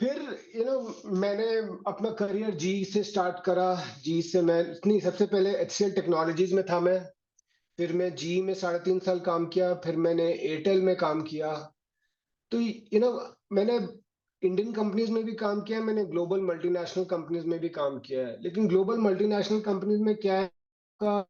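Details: 48-year-old man with stammering since early childhood and a youngest uncle who also stammered, partly deaf and wearing a hearing aid, speaking Hindi with stuttering he says listeners can hear; stuttering.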